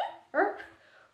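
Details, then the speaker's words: Sudden short, sharp yelp-like vocal burst, a simple vocal tic in a person with Tourette syndrome while talking about tic attacks triggered by flight stress. "so tick attacks are normally caused by stress uh so you know flight anxiety the flight's taken off you're freaked out by that"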